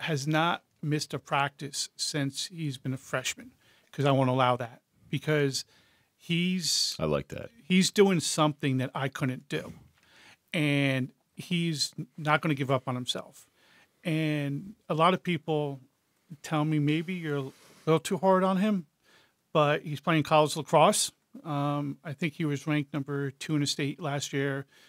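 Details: Adult man with severe stuttering since age four, treated with the airflow technique; stutter still present but less noticeable: stuttering.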